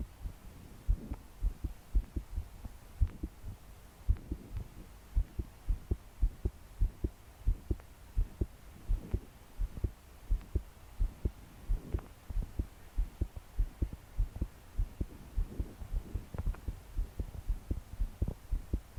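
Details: 22-year-old female trying to sleep, body shaking with each beat, deep breaths not helping: fast, pounding heartbeat with occasional breaths over heavy rain hiss; forceful palpitations.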